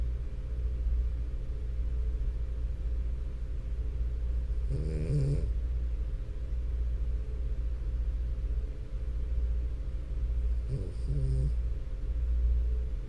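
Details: Sleeping French Bulldog, steady low snuffling snore with two louder snorting breaths over a droning background hum; snoring.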